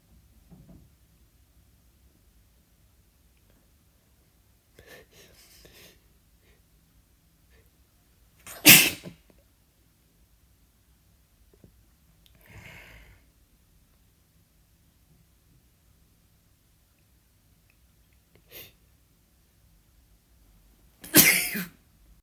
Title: Sneezing again.